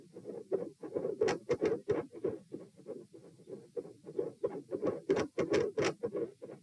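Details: Stethoscope heart auscultation at position P during a stress test (standing, knee bends, deep breaths, sitting, lying; rates 126-138 then 96 bpm); rapid, loud paired heart sounds in close succession, deep breaths not slowing rate; exertional sinus tachycardia.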